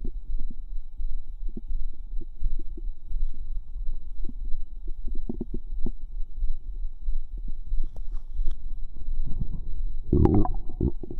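Soft low gurgles and bubbling pops from the belly with a faint steady hum behind; ordinary stomach sounds.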